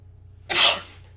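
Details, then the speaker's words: Person who says they feel a sneeze coming gives one sharp, hissing sneeze after a quiet lead-in, fading within a fraction of a second; an ordinary sneeze. "Oh, no, guys. I feel it. I feel it coming. Oh, god bless me. God bless me."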